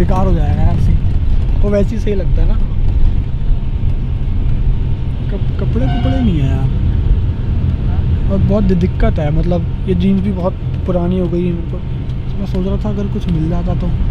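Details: Conversational Hindi from a 22-year-old male rapper who says he stammers when he talks, more in Hindi but not while rapping; stuttering.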